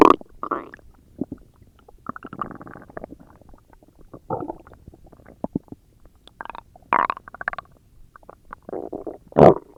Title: Stomach growls